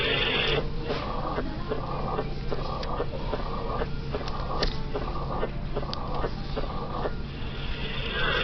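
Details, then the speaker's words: 45-year-old West African man with years of dyspnea and leg swelling; heard with the stethoscope bell at the apex: regular beats about 70/min with a uniform, low-pitched diastolic rumble, a mitral stenosis murmur. "So what would cause a uniform, low-pitched diastolic murmur at the apex? Really only one thing can do this: mitral stenosis."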